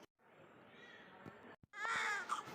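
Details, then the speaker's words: Newborn baby girl's first cry after a caesarean delivery at Kottayam Medical College: a brief, thin wail after a short pause, with faint room noise. "എങ്ങനെയുണ്ട് ഞങ്ങടെ കുട്ടീസിന്റെ ആദ്യത്തെ കരച്ചിലാണ് കേട്ടോ."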